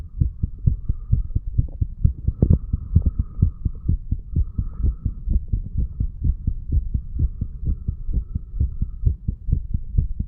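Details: 35-year-old man, recording his own heartbeat hours after going to bed after drinking too much alcohol, from mitral to tricuspid areas: loud regular paired heart thumps about 130 a minute with faint background hum; fast heartbeat.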